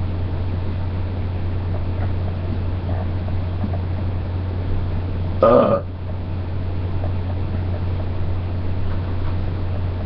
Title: burps again